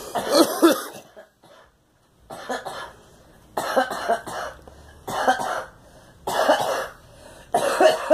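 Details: A girl coughs about six times in eight seconds, in separate harsh bursts with brief pauses.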